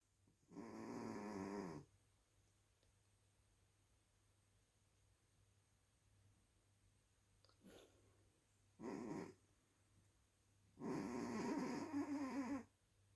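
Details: Three noisy, rattling snores with long pauses between them, apparently from a sleeping animal, in a quiet room; snoring.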